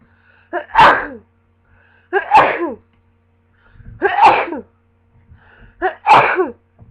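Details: Prolonged cold sneezing fit: four loud sneezes in a row, each with a sharp in-breath before it.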